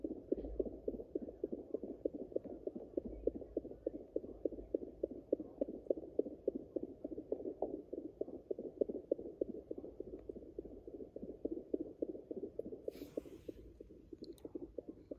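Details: Rapid, steady whooshing Doppler pulses at about 200 a minute, normal fetal puppy heartbeats in a pregnant Yorkshire Terrier at day 49 of pregnancy.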